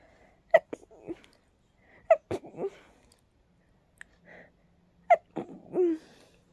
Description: My allergies are really acting up again... Sometimes they cause those crazy rapid sneezes